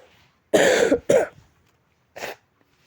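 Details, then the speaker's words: Adult with a sore, strained throat after talking continuously, also reporting high fever: two harsh coughs in quick succession, then a brief throat clear; dry-sounding cough. "నా గొంతు అయితే పట్టేసింది. ఇంతసేపు కంటిన్యూగా ఆపకుండా మాట్లాడుతూనే ఉన్నా గొంతు పట్టేసింది."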